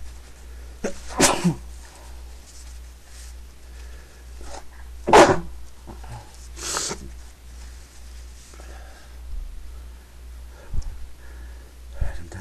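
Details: Stifled sneezes while trying, unsuccessfully, to stay quiet: a few muffled, held-back sneezes among quiet rustling and a steady low room hum.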